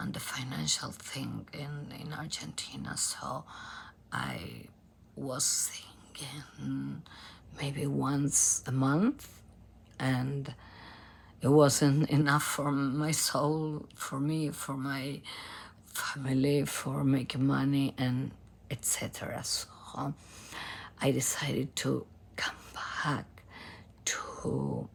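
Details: Adult female professional singer with abductor spasmodic dysphonia, a rare type in which spasms of the vocal cord muscles open the cords; diagnosed by nasal endoscopy; onset 2015; treated with Botox injections.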